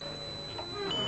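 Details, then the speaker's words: Tinnitus pitch-matching test tone played during an audiogram to a man with noise-trauma tinnitus and a mild high-frequency hearing deficit in both ears; he is asked if his noise resembles it. "l'audiogramme permet aux médecins de déterminer à quelle fréquence se situe l'acouphène et surtout à quoi ressemble ce bruit que personne entend voilà donc est-ce que votre bruit ressemble à ce bruit là Monsieur"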